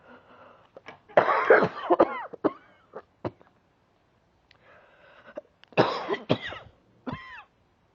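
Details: Cough from resolving bronchitis, less severe than before: two bouts of harsh, loose coughing with throat clearing and catching breaths between.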